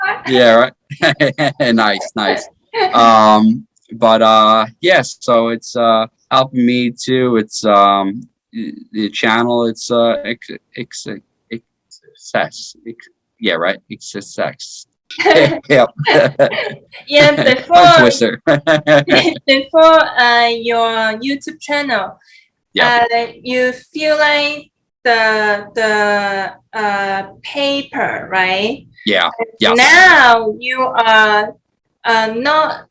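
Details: 33-year-old man with aphasia after a stroke in 2019, which followed repeat heart surgery that year; earlier heart surgery at age 16; initially unable to speak or move; aphasia.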